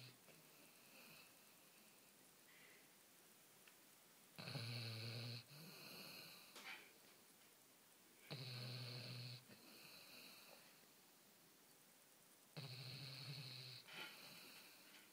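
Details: Sleeper snoring: buzzing, slightly whistling snores every few seconds, about 15 a minute, over quiet room noise; ordinary snoring.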